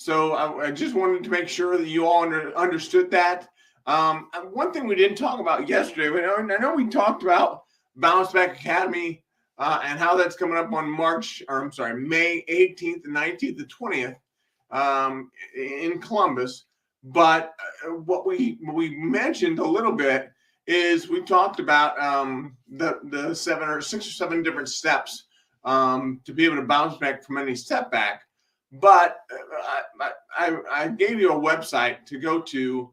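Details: Man with an acquired speech impairment he attributes to a brain bleed, after brain surgery, with residual vision impairment following sudden blindness in 2011; he also reports breathlessness and a rough speech day: hesitant speech with pauses and word repetitions.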